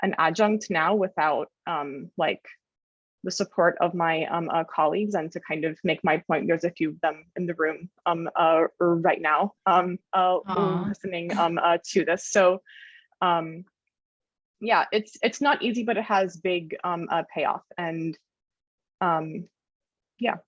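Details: Adult woman journalist who stutters, speaking with frequent fillers and blocks; stuttering.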